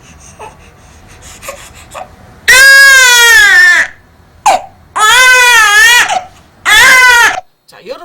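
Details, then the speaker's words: Newborn infant, overheated in a warm room with heat rash: open-mouthed drawn-out 'ah' crying in three bursts; sleepy cry of a baby too hot to fall asleep, who slept once moved somewhere cooler. "아 하고 우는 소리는 아까 뭐였다 졸릴 때내는 소리였다 그럼 이야기는 지금 무슨 말을 하고 있냐면 엄마 내가 지금 너무 졸린데요 더워서 못 자겠어요라고 얘기하고 있어"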